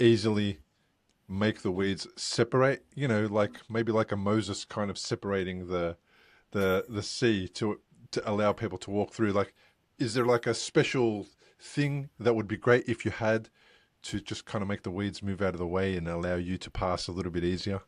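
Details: Adult man speaking; ordinary speech.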